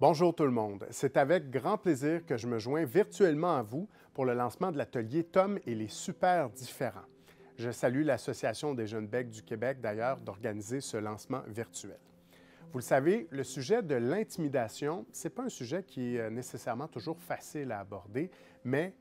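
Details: Adult man speaking French; normal speech.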